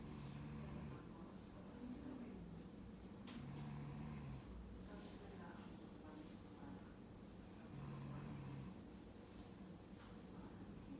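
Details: Father snoring during sleep: low, rattling, loud snores, one per breath in, with quiet gaps between.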